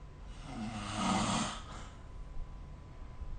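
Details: Snoring during sleep recorded with the SnoreLab smartphone app: a single rough, rattling snore on the in-breath, then quiet breathing and room noise.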